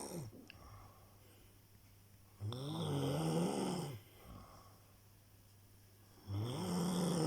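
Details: Loud, low, rattling snores on each breath in, about every four seconds, roughly 15 breaths a minute, with quiet breaths out between; snoring.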